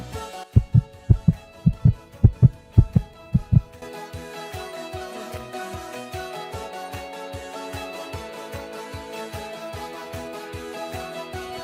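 Several loud thumping heartbeat pairs, then music takes over and the beats fade under it; a recorded heartbeat sample.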